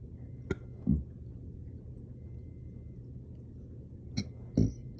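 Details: Two short, low, guttural burps, each preceded by a faint click, over a quiet room background; after an intense workout and drinking water too fast, later followed by hiccups.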